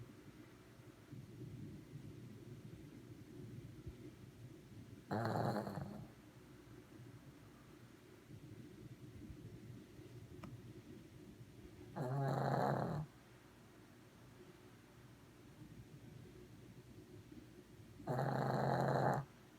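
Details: Shih Tzu dog snoring in sleep: three loud, rough snores about six seconds apart over a low background rumble.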